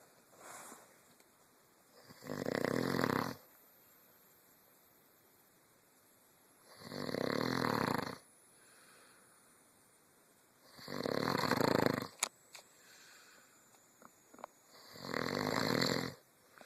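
Regular, rough snores about every four seconds, roughly 14 a minute, each a harsh, noisy breath in a quiet room.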